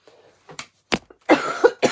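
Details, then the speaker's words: A few short, abrupt coughs from an adult woman in a small room, followed by a louder voiced sound; she says she seems to cough as soon as she speaks while talking during a live session. "Aussitôt que je parle, on dirait que je tousse."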